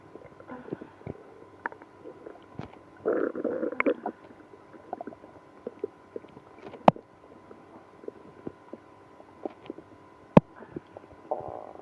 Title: Drinking milk and prune juice when having ibs (stomach growling, moaning)